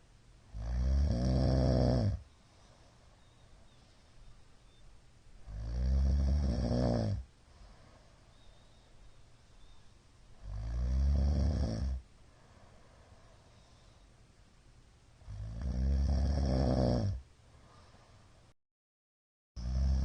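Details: Middle-aged man snoring while asleep, recorded 22 February 2022 on an especially loud night: loud, deep, rattling snores on each inhalation, about 12 a minute, with quiet exhalations between.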